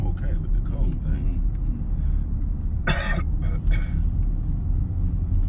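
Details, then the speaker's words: Two or three short, harsh cough bursts in quick succession over a steady low car engine rumble; a man (father or uncle) coughing in a car. "so I will probably put a clip of them coughing cuz um I will always record my dad and my uncle coughing"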